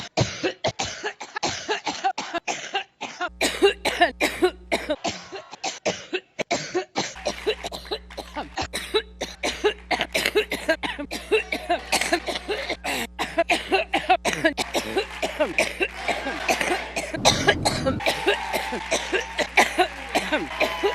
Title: coughing